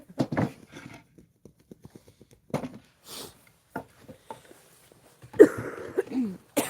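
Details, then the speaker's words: Adult with a lingering cough and hoarse voice: several short, harsh bursts in a small room, some with a voiced edge. "Sorry about my voice. I still got that cough."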